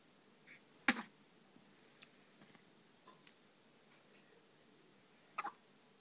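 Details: A newborn boy nearly 24 hours old in hospital has hiccups: two brief, sharp catches of breath about four seconds apart in a quiet room.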